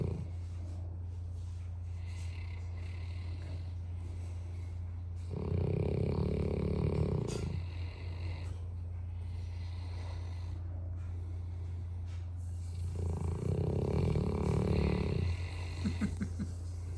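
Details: English Mastiff dogs sleeping snuggled together: two slow, low rumbling snores over a steady background hum, each several seconds long; snoring.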